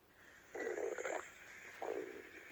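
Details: Two drawn-out, rumbling, gurgling growls, a cartoon stomach-growl sound effect rather than a real body sound; stomach growl.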